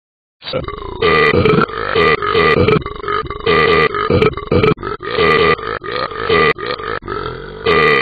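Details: Burping in a dog: loud, long, rumbling belch-like sounds repeated over several seconds.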